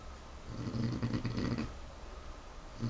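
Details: Pig sleeping: a low, rumbling, rattling snore in one drawn-out fluttering breath, starting again at the end, in a quiet room. Snoring.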